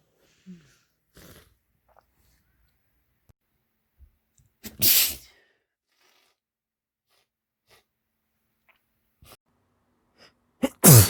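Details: Male with hitching sneezes: quiet catching breaths build up before two forceful wet sneezes several seconds apart; sneezing.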